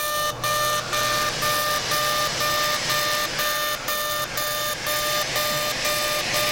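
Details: Lumenis Encore CO2 UltraPulse laser, fully ablative aggressive mode (100 mJ, density 6), resurfacing the face midline during simultaneous facelift: steady tonal beeping about twice a second over loud hissing suction.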